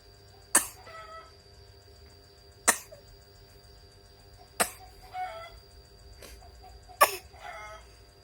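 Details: A young child practising coughing gives five separate, sharp, deliberate coughs about two seconds apart, with a soft breath after each; voluntary cough.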